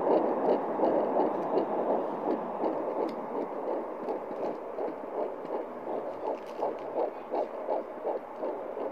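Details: Home fetal Doppler at 11 weeks pregnant, probe above the pubic bone: rapid, regular whooshing pulses at about 160 beats a minute over steady static hiss, the fetal heartbeat.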